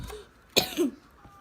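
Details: A single sharp cough followed by a short throaty clearing sound, set off by eating leftover chicken covered in lots of hot sauce during a spicy food challenge.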